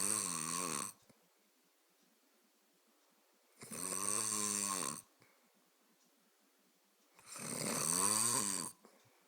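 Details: Snoring: three long, buzzing, vibrating snores at about 16 a minute, with quiet between them.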